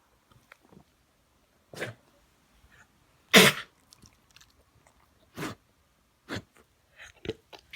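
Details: A dog gives about five short, harsh, explosive cough-like bursts with quiet gaps between them; the cause is unknown and the owner asks for ideas.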